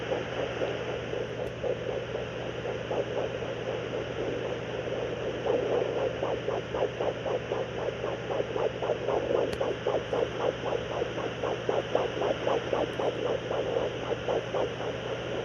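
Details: Pregnant bitch lying on her side, home fetal Doppler with gel on the abdomen from about day 35: rapid, regular whooshing pulses over hiss, roughly 230 a minute; puppy fetal heartbeat.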